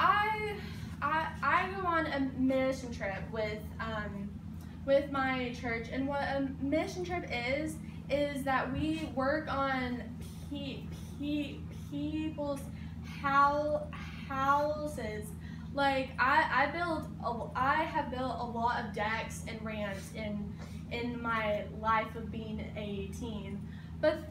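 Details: 18-year-old who stutters giving a class speech, with word and sound repetitions; stuttering.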